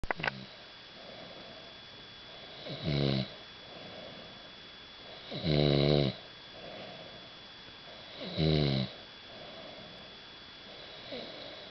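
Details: Person snoring at Keekoroke: regular loud, vibrating snores on each inspiration, about every 2.8 seconds, roughly 21 breaths a minute, quieter expirations between.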